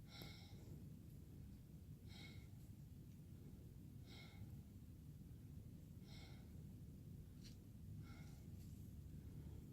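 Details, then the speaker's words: 20-year-old woman in a student nurse's head-to-toe assessment, stethoscope on her back as she takes deep breaths: soft, steady breaths about every two seconds over room noise; normal breath sounds, clear and equal with good air exchange bilaterally. "all right breath sounds are clear and equal with good air exchange on both sides"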